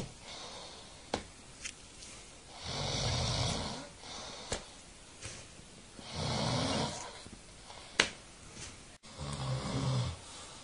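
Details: Adult man snoring in sleep: three long, rough snores over about ten seconds, with sharp flyswatter slaps in between; ordinary snoring.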